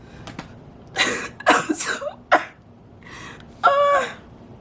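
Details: Woman with a cold and a fading voice: cough.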